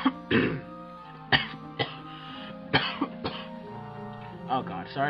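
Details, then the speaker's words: Adult coughing during a gaming session: several short, sharp, dry-sounding coughs over steady background game music; cough. "I you heard that cough I really don't want you to hear it"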